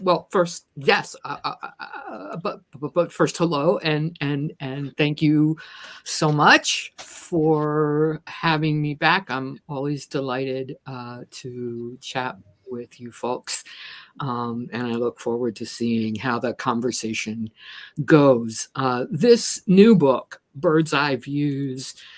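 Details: Stuttering in a speaker who says they stutter and consider themselves a person with a disability; repetitions such as "the the the" occur.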